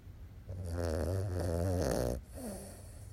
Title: Chi snoring